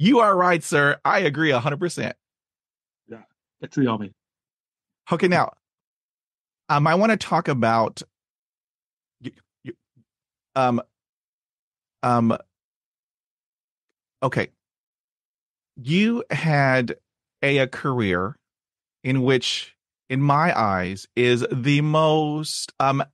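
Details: Adult man who has stuttered since childhood, with speech therapy at age 5 and in his 20s, reporting blocks and repetitions, especially on cold reads; stuttering.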